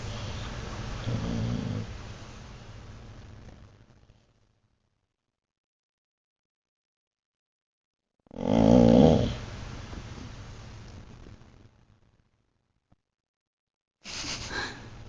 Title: bruno snoring like an old man